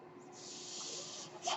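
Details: Airflow of the speaker's own home mechanical ventilator, heard in the background while talking.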